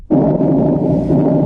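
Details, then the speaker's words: Normal person's lungs heard through a stethoscope: a soft, steady whooshing of air with no wheeze or crackle, normal breath sounds. "இப்ப ஒரு normal பெர்சனுக்கு இந்த ஸ்டெத்த வச்சு கேட்கும்போது அது காத்து கஷ் ஆற மாதிரி இப்படிதான் கே்கம்."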